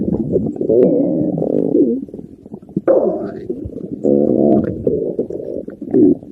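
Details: Stomach growling: loud gurgling, bubbling belly rumbles in several runs, ordinary borborygmi.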